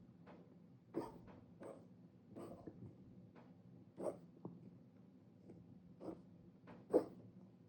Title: Cat coughing